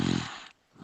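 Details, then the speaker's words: A daughter's single loud, low, rattling, growl-like snore, mistaken for growling, fading within half a second and followed by quiet. "can you hear her snoring yeah that's my daughter snoring wow I thought that I thought that was Vault making growling noises or something like that"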